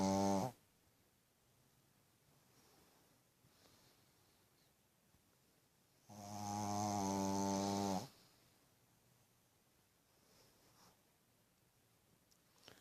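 Loud rumbling snores at the start and again midway, separated by long quiet stretches; a puppy snoring in a quiet room.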